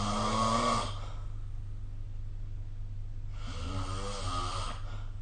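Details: Snoring recorded during sleep with the SnoreLab smartphone app.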